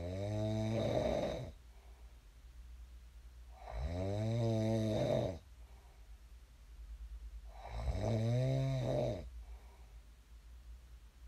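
Loud, rumbling snores on breathing in, about 15 a minute, with quieter breathing between them; snoring during sleep.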